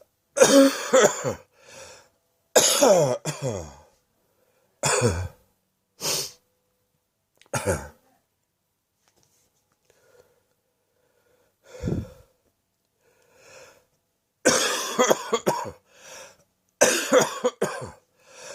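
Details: Repeated deep, harsh adult coughs in clusters with pauses; the person reports the cough has moved into the chest: a chesty cough from the lower airways.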